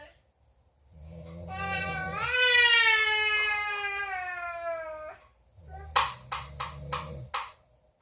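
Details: Infant cry: a long, high wail rising then falling, followed by a few short sobbing bursts; labelled as snoring.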